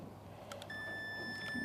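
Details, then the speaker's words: Sustained electronic beep from an experimental hydrocephalus intracranial-pressure device as its wand is held over a sheep's head for a 10-second reading; the beep signals a completed pressure reading. The next reading of 20 is noted as raised by stress; under 25 is normal. "so we're holding the um the wand over the sheep's head and you can hear the beeping we can see on the screen that it's recording some pressure"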